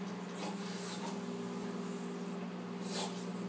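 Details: English bulldog puppy giving two abrupt, snorting sneeze bursts over steady room hum; sneezing.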